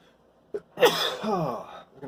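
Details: Sneeze provoked by sniffing chhinkni snuff from a newly opened vial: a brief catch of breath, then one loud voiced sneeze trailing off with a falling tone; a single sneeze.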